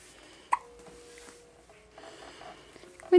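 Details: Baby boy who often has hiccups; two short, sharp hiccup sounds about two and a half seconds apart, quiet room sound between; ordinary hiccups.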